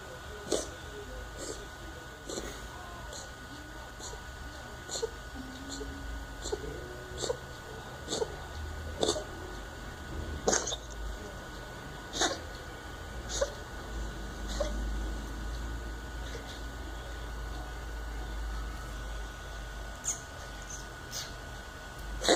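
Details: A cat gives a long run of short, sharp hacking coughs, roughly one per second, over a steady background hum.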